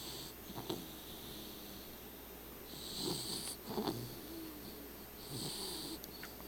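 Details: Sleeping red nose pitbull snoring: slow, hissing, snuffly breaths with a few rougher grunting bursts in a quiet room.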